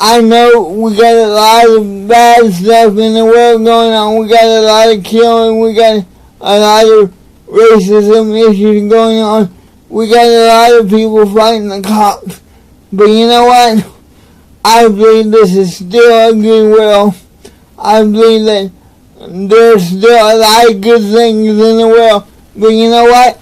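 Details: Adult man with cerebral palsy; dysarthric speech in cerebral palsy.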